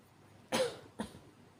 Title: [男性向] 弱い咳 weak cough